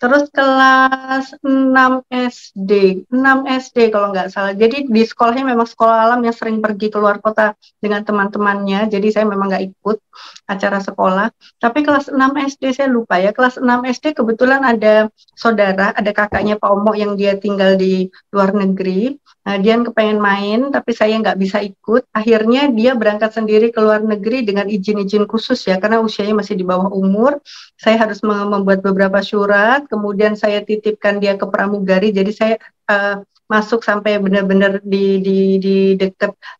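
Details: Adult woman; typical speech.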